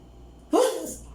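One sudden, sharp, explosive burst of air, then a short fading breath: a single sneeze.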